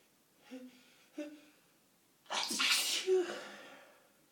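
Two catching in-breaths build to one forceful, wet, spluttering sneeze with a short voiced tail.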